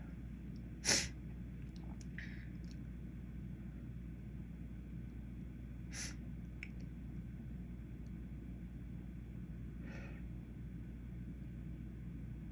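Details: One sharp sneeze, then two fainter sneeze-like bursts over a low room hum, after dropping a container of white pepper while cooking; sneezing from pepper exposure.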